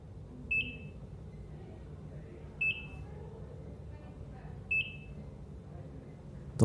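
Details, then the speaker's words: Fictional animated story: a bedside life-support monitor gives three evenly spaced single electronic beeps about two seconds apart in a quiet room as an older man (Uncle Carl) wakes in hospital. "life support machine beeps, echoing through the hallways as Uncle Carl opens his eyes."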